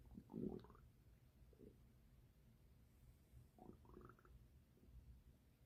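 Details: Low gurgling rumbles in two bursts over a quiet hiss; ordinary stomach growling (borborygmi) from gas and fluid moving through the gut, recorded as belly ASMR.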